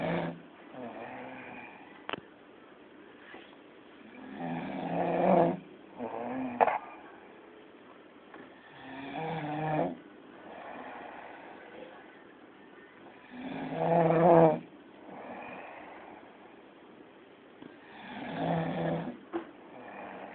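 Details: Man heavily snoring: loud, rough snores on each breath, roughly 13 a minute, some with a fluttering rattle; heavy snoring.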